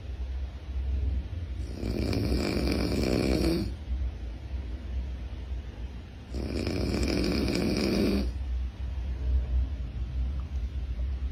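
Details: Snoring near a baby: two long, rough snoring breaths about four to five seconds apart over steady room noise.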